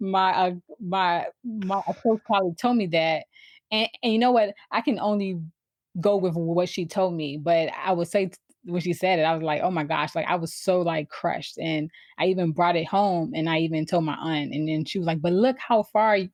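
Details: Adult woman who has stuttered since she began to speak, around age four or five, with trouble getting started on words; stuttering.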